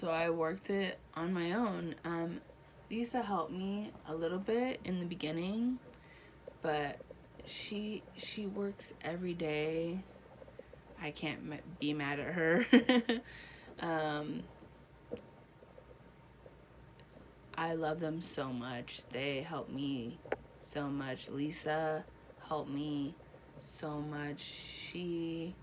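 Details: Adult woman one year after a stroke she links to H1N1 and a hole in her heart, right side affected; about five words in hospital, improved since, talking still difficult, reading and writing impaired; Broca's (non-fluent) aphasia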